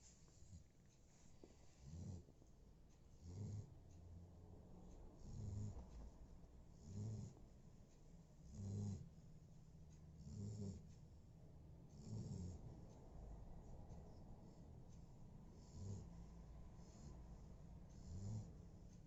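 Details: Sleeping Labrador snoring: low, rumbling snorts repeating at a fairly steady breathing pace.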